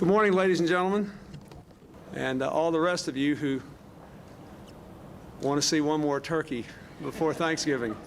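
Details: Adult man speaking at a podium; Normal voice.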